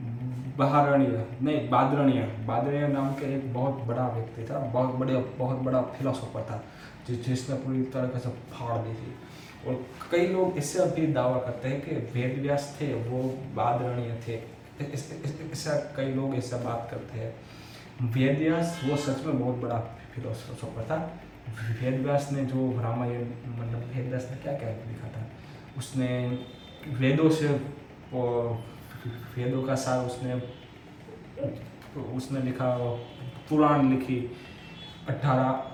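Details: Adult man's own speech with stammering, recorded on day 1 of his daily practice routine for stammering (tongue and lip exercises, breathing control, self-monitoring); stuttering.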